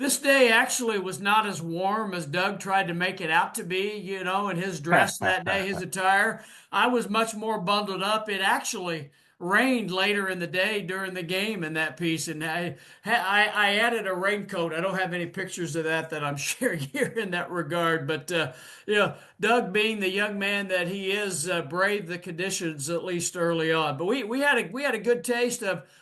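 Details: Adult male speaker; normal conversational speech.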